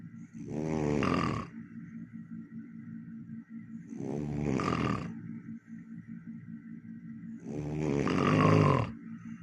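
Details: Very loud, noisy snoring: rough snores in bursts about every four seconds, roughly 16 a minute, with a steady low hum between them.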